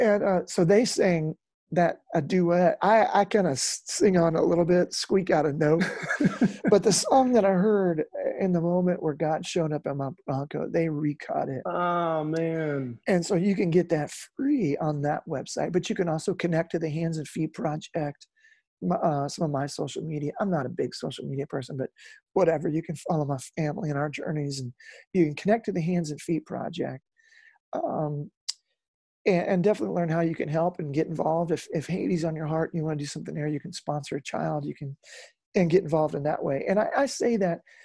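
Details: Adult male lead singer with incurable spasmodic dysphonia that began at the height of his music career and was first mistaken for hoarseness; he still struggles with it and says it is audible in his speech; spasmodic dysphonia.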